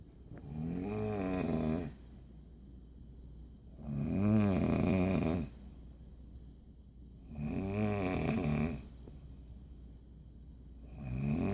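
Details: Person who denies snoring: steady, low, buzzing snores with each breath, about 17 a minute, in a quiet room; snoring.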